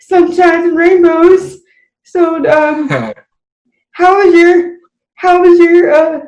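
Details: Dysarthric speech in an adult woman with cerebral palsy, in unscripted conversation.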